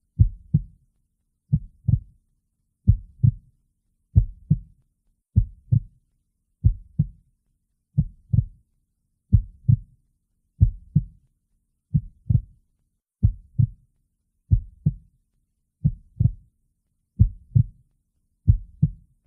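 Steady paired low thumps, a clear lub-dub heartbeat at roughly 47 beats a minute.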